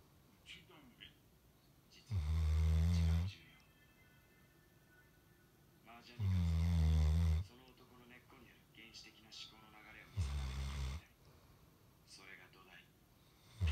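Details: Sleeping Golden Retriever dog: three deep rumbling snores about four seconds apart, each around a second, quiet room; ordinary snoring.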